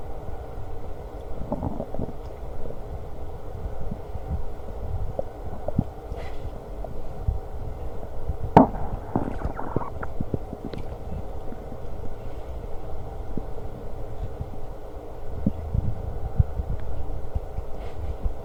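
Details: Stomach growling during lunch, with burps: low, continuous rumbling with a few gurgles over a steady background hum; borborygmi while eating.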